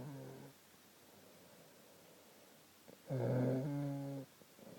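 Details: Two tonal, buzzing snoring sounds separated by a long quiet pause, the second louder and longer: snoring.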